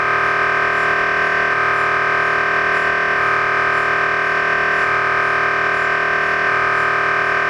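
Loud, continuous electronic droning and buzzing whose pitch shifts in a regular cycle, typical MRI scanner noise during imaging.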